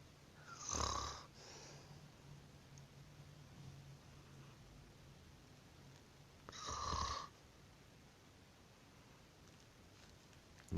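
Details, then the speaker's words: Cat snoring while resting in the sun; she is then woken. "Привет, привет. Здравствуйте. Маня, короче, отдыхает, храпит."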